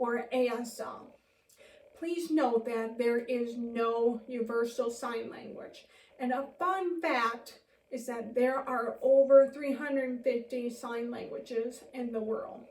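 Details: Deaf elementary teacher born profoundly deaf (congenital hearing loss, 90-120 dB range), speaking while signing; deaf speech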